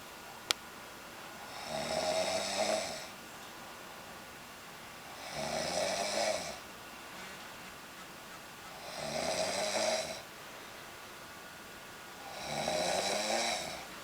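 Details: Snoring recording: rough, rattling snores on each in-breath, about 17 a minute, with quiet pauses between them.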